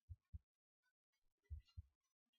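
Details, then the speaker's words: Nursing assessment demonstration: stethoscope bell at the apex (fifth intercostal space, midclavicular line, apical pulse site) picks up two clear lub-dub beats with no extra sounds; normal heart sounds. "Next, I'm going to listen to your heart sounds with the bell of my stethoscope."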